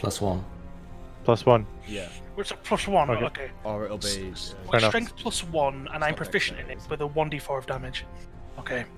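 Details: Stuttering in a man with a natural stutter (speech impediment) that he says usually clears up after about half an hour of roleplaying; it may sound like audio cutting out.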